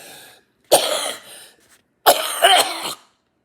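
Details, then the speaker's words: Two harsh, rattly coughs with throat clearing, a wet productive cough from phlegm congesting the trachea, in an adult singer with a bronchial infection. "trachea is full of congested phlegm and that's what you're hearing is distortion it's not actually me putting that on purpose"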